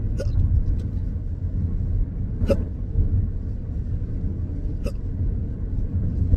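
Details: Three sharp hiccups about every 2.3 seconds over a low rumbling background; intractable hiccups in an adult with a long-standing debilitating condition.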